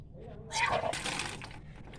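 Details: Kunjal Kriya (Vaman Dhauti) yogic cleanse in the morning on an empty stomach after drinking about six glasses of warm salt water: brief strained gag followed by a gush of water deliberately brought up.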